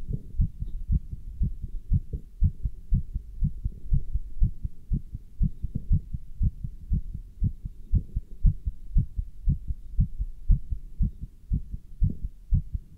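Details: Person wearing a stethoscope and chest band while standing still and lifting dumbbells: regular heartbeat at about 118 beats a minute, fast as after exertion, with some rubbing noise; normal heart sounds.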